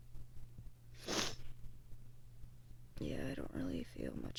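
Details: One short, sharp sneeze, then brief speech over low room hum, from an adult with allergies and a sinus infection, itchy watery eyes and a sensitive nose after dog sitting, a dusty room and high pollen counts.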